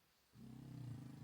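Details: A pet dog snoring loudly, a noise the owner gives as the reason the dog does not sleep in the bedroom.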